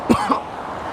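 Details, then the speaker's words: Deliberate fake cough faked as a prank on strangers outdoors during COVID: a brief cough of two quick bursts over street noise; voluntary cough. "all right a lot of people don't play by this oh i'm just gonna be coughing on folks coughing up folks"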